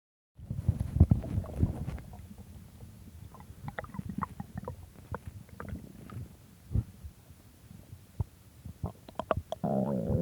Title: my stomach growling